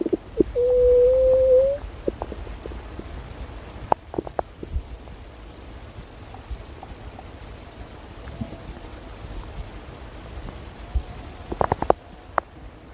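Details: A rising, drawn-out gurgle followed by faint pops and a brief later gurgle: stomach growling (borborygmi).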